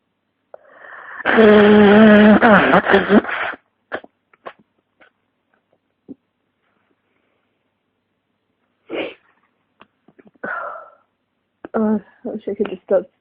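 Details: A loud, drawn-out voiced sneeze followed by brief breaths and faint sounds, from a person with flu and congestion who reports a pounding head; sneezing.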